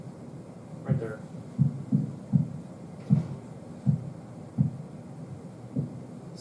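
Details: Korotkoff sounds during blood pressure measurement, in a lecture on listening to the heart.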